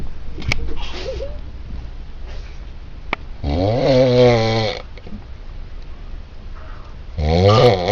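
Loud rattling snores on breathing in, separated by quieter breaths, in a quiet room; ordinary snoring.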